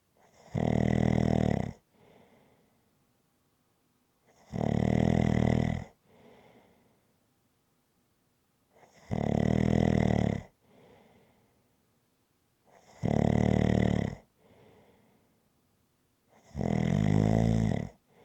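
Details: Rhythmic snoring: loud, regular fluttering snores on each inhalation with soft breath out between, five in eighteen seconds (about 16 a minute).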